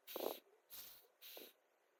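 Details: Girl who can't stop hiccuping; three short, sharp breathy bursts with a voiced catch, about half a second apart: repeated hiccups.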